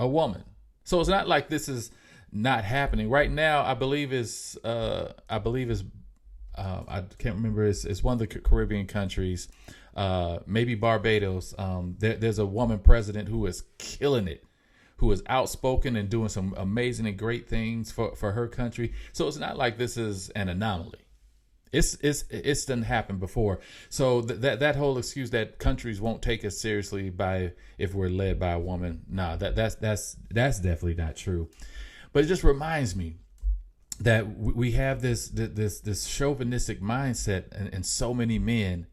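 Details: Adult man with self-reported mild real stuttering; stuttering.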